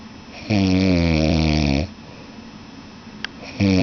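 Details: Loud, deep, rattling snore from a sleeping man on a long breath, then a quiet pause before the next snore begins; heavy snoring.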